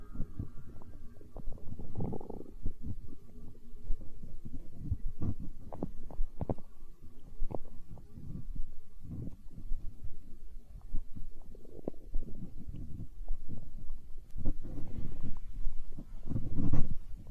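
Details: Stomach growling (borborygmi): continuous low gurgling and rumbling with bubbly pops throughout, from gas and fluid moving through the gut.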